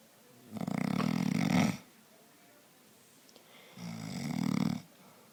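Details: Husband asleep, exhausted after a race: two loud, rattling snores on inspiration, each about a second long, with a quiet pause between them; snoring.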